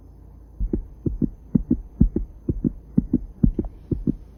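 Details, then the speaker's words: Stethoscope auscultation at the tricuspid area, fourth left intercostal space at the parasternal line, in a cardiology lab practice: regular paired lub-dub heart sounds about 125 a minute, no added sounds. Normal heart sounds. "luego tenemos el foco tricúspide el cual se encuentra ubicado en el cuarto espacio intercostal con in aparezca en nariz quierda justo por debajo del foco aórtico pulmonar"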